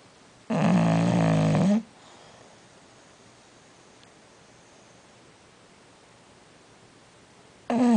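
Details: Bulldog napping mid-morning, snoring: a loud, rattling, tonal snore lasting over a second, then a long quiet pause before the next.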